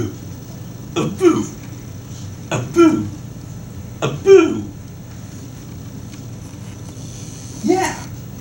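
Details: Hiccups during an attempt to scare them away: four short throaty bursts, each a sharp catch and a brief rough vocal sound, over steady room hum; throat clearing or hiccup-like sounds.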